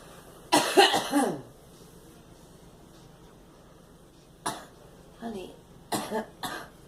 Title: Girl coughing